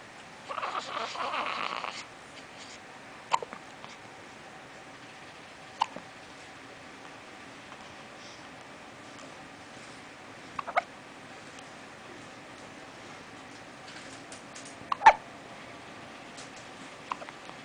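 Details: Baby with hiccups: brief, sharp hics repeating every two to five seconds, about six in total, after some early voice.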